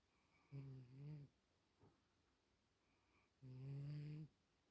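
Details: Snoring that happens every day: two low, buzzing snores almost three seconds apart, each under a second long, with a faint snuffle between them in a quiet room.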